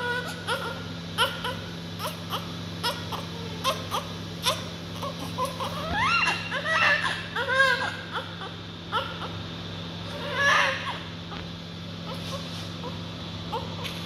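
Repeated short, high-pitched newborn cries with brief pauses and whimpers between them, plus a steady background hum.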